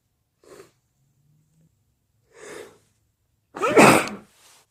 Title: more wet sneezes